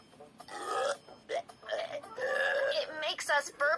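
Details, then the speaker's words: Cartoon: voiced, drawn-out burping sounds with faint background music; belching of surplus air after eating a meal. "after eating a meal our tummy might feel bloated and heavy and since the surplus air needs to get out that's right it makes us burp"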